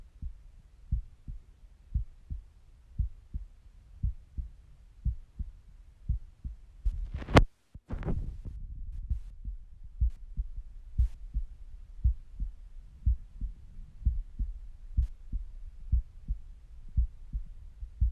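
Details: At rest, stethoscope recording with stomach noises: steady resting heartbeat near 60 a minute, with a brief loud gurgle or rub midway; normal resting heart sounds.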